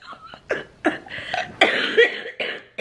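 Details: Adult woman in her early 30s with cystic fibrosis, lungs affected by COVID-19 after a rough night: several short, harsh, rattly coughs in quick succession.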